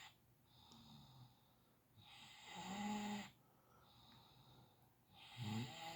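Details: Two rough, rattling snores on the in-breaths at about 22 breaths a minute, with quiet out-breaths between; ordinary snoring.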